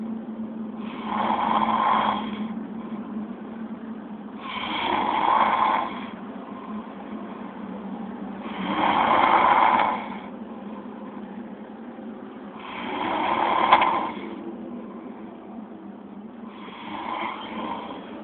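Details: Steady, rhythmic, rasping snores, five over eighteen seconds (about 15 breaths a minute), over a constant hum; ordinary snoring during sleep.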